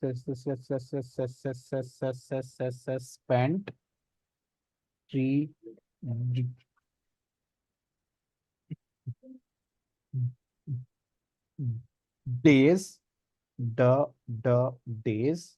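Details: Person who stammers in a practice group working on cancellation and pullout techniques, speaking with repetitions; stuttering.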